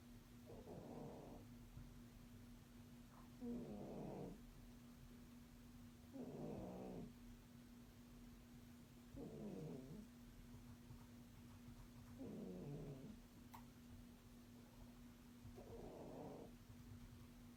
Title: Our Cat Snoring *LOUD*!%! Volume Up….